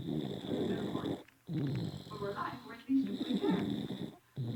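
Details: Sleeping infant snoring in church: rough, rattling breaths in short bursts with pauses and some squeaky tones, with room noise behind; snoring.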